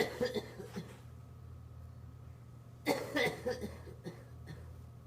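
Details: Homeless person coughing: two short bouts of several quick coughs separated by a pause, over a steady low room hum; finding: cough.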